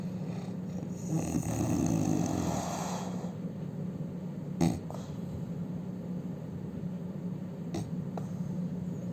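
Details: Indian man snoring loudly: a steady, low, droning hum with one louder, rough, rattling breath and a snort; loud snoring.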